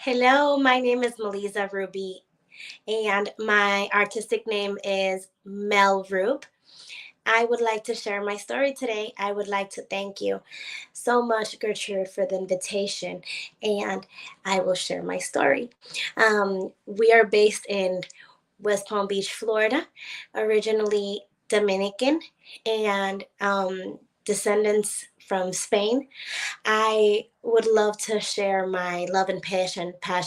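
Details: Adult woman; normal voice.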